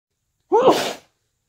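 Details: A single short, wet, muffled sneeze, from a recording of the day's sneezes with sniffles and nose blowing in between; sneeze.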